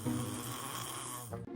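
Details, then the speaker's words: Loud snoring with mouth breathing, described as classic nasal collapse: a single loud, rough rattling breath over faint background music. "this right here, classic nasal collapse. Loud snoring, mouth breathing, barely getting any oxygen."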